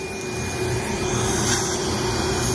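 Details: Steady hissing, slurping suction noise with a faint tone: surgical suction running during live maxillary basal and pterygoid implant surgery, while drilling from an extraction socket toward the nasal cortex and sinus floor.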